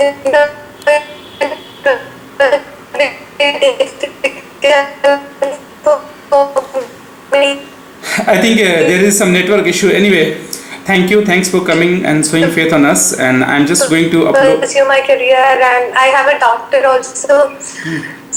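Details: Adult male speaker; ordinary speech.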